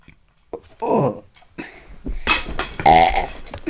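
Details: Burping: loud, low, throaty belches in a quiet room, the noisy release of swallowed air from the stomach.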